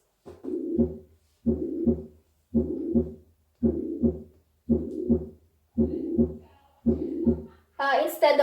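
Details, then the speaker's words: Voiced imitation of the holosystolic murmur of ventricular septal defect, a left-to-right shunt, heard at the lower left sternal border: regular sustained beats about 56 a minute. "so this the because of the high velocity so the defect it gives a hollow systolic murmur holy systolic murmur at the lower left sternal border which sounds like this"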